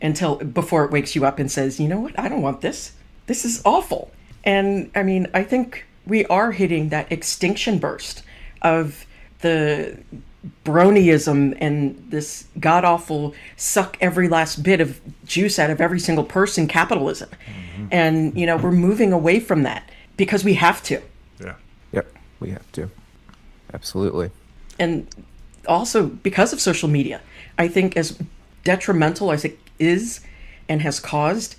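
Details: Adult speaker; typical speech.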